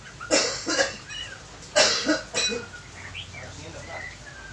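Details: Four harsh coughs in two pairs, with faint room noise and distant voices; a plain cough from a massage therapy patient with body aches and a cough and cold.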